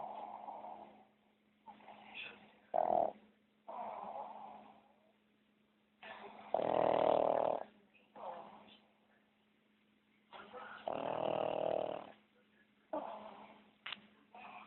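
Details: Snoring while asleep: repeated rattling, snorting breath sounds on both inhaling and exhaling, some louder and rougher than others.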